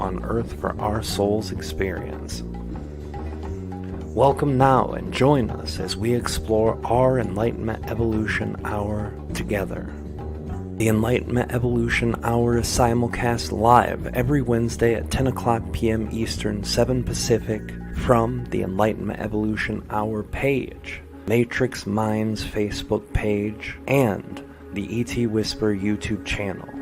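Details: Adult male speaker; typical speech.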